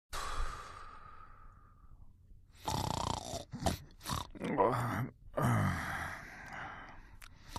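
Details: Snoring during sleep: irregular rough snorts and groaning breaths with short pauses between them.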